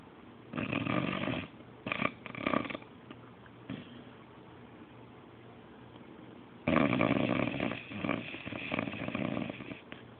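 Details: Sleeping English bulldog/beagle mix (Beabull) dog: noisy snorting, snuffling breaths in bursts with quiet gaps; snoring.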